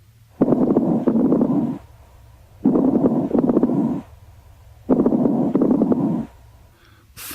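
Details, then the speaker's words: Fine crackles, soft, high-pitched, very brief pops layered on three breaths through a stethoscope; often accompany congestive heart failure. "crackles are soft high-pitched and very brief and often accompany congestive heart failure"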